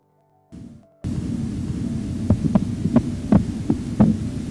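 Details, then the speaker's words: Low hum, then soft tapping thumps appearing as the cuff deflates: phase I Korotkoff sounds marking systolic pressure, heard with a stethoscope during manual non-invasive blood pressure measurement. "per la determinazione della pressione arteriosa sistolica si deve scegliere la fase uno dei tonni di"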